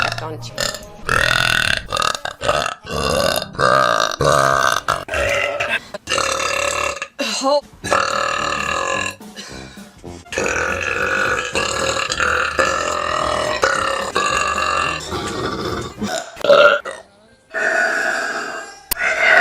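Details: Girls burping in a compilation: a string of long, loud, voiced belches over background music and some talk.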